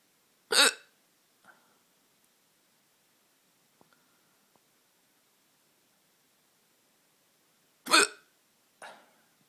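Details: Hiccups: two sharp, abrupt hiccup sounds about seven seconds apart, each followed by a softer after-sound, in a quiet room.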